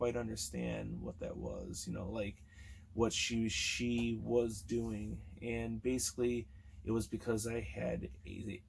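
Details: Man almost 40 who has stuttered since childhood; sound and word repetitions audible; stuttering.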